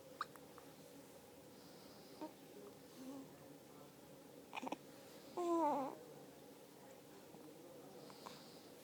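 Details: Person attempting breath control: a few brief, sharp catches and one short voiced squeak in a quiet room. Isolated hiccups.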